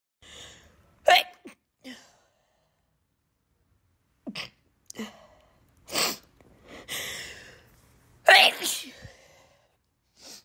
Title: News and a lot of sneezes!